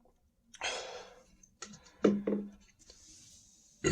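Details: Standing and drinking more Sprite, saying the stomach feels heavy, really full and tight: a breathy gulp followed by two short, sharp voiced catches in quick succession, hiccups after drinking soda.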